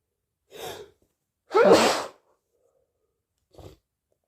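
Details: Sneeze in late August, with uncertainty over whether allergies or a cold is the cause: a quick intake of breath, then one loud explosive sneeze and a brief sniff afterward.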